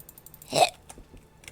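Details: One short, sharp, throaty hiccup over faint background sound; hiccups recorded by a streamer.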